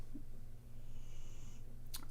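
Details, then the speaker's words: Max the dog snoring while asleep: faint low rumbling breath with a thin whistling tone and a brief snort, against quiet room hum. "i notice that that's almost in all my videos when max is snoring you can hear it throughout the entire video"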